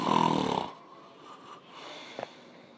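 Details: Person sleeping, recorded with no camera light on. A single loud, rough, buzzing snore lasting under a second, then near silence with faint breathing and a soft click: snoring.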